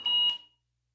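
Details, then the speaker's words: Single short high-pitched electronic beep in a quiet room from a bedside monitor in a young child's hospital room, as the nurse was saying she would turn off the alarm sound; monitor alarm beep. "So she—she said, "I'm gonna turn off the sound on the alarms."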